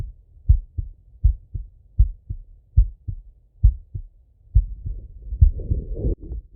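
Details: Regular lub-dub male heartbeat at about 75 beats a minute on stethoscope auscultation, soft breath sound rising near the end; normal heart and breath sounds.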